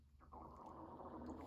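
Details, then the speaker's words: Adult's audible stomach rumbling (borborygmi), a normal bowel sound: a low, gurgling rumble that swells and continues for about a second. "can you hear my stomach rumbling? [laughter] I do apologize."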